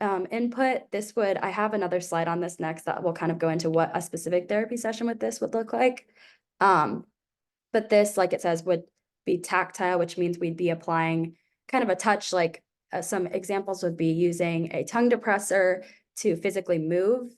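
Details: Adult woman speaking; normal speech.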